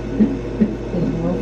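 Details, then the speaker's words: Doppler fetal heart monitor at a 36-week pregnancy checkup, baby girl: muffled rhythmic whooshing pulses over a low hum, sounding distant then stronger as the heartbeat is found; fetal heartbeat. "our heartbeat it sounds kind of further away just getting stronger because I think she's finding it"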